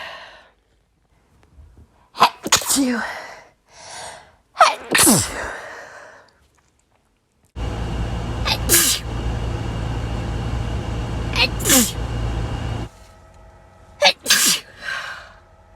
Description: Some hayfever sneezes from yesterday. Only managed to catch a few of them sadly but my nose was constantly going at it all day long.